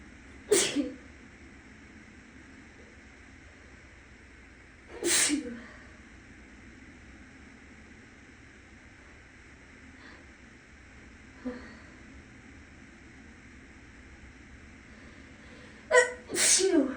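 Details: Sneezing by a person who is still a little sick, induced with clothing tags on both nostrils, recorded in a bathroom: four sharp, explosive sneezes, each preceded by an inward breath, echoing, with a fan humming in the next room.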